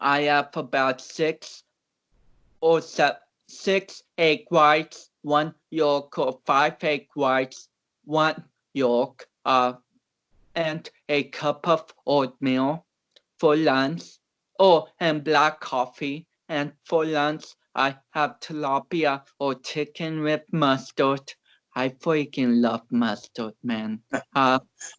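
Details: Man of about 29 with cerebral palsy, a powerlifter whom doctors had not expected to walk or talk; dysarthric speech in cerebral palsy.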